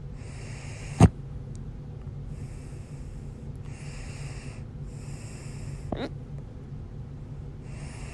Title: 6/25/22, My Loud, Second Hiccups